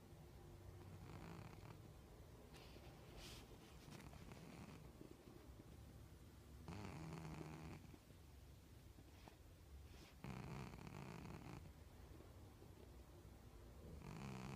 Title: Snoring Sammy